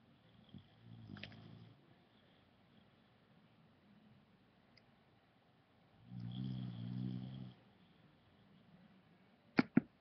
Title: snoring dog